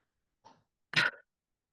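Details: A faint brief sound, then one short, stronger cough burst: a cough assisted by abdominal functional electrical stimulation (Xcite2 cough program) in a person with cervical spinal cord injury; FES-assisted cough.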